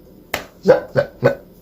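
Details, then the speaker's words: A person with Tourette syndrome, who feels a premonitory urge before each tic: a sharp click followed by three quick, abrupt grunt-like vocal bursts, a vocal tic. "I can feel that tick happening before I do it"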